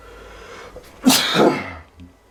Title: ALLERGIES ARE MAKING ME SNEEZE LOUD AND SICKENING!!!!!!!!!! (awful pollen)